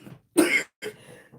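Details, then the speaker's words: An adult woman with a long-standing lung condition, on prednisone since 2006, gives two short, fairly mild coughs; she says her current cough is much milder than when it started. "Y'all hear the way I cough now. This is nothing. The coughing y'all hear now for my um people that been coming in every day this coughing is nothing compared to how it started off."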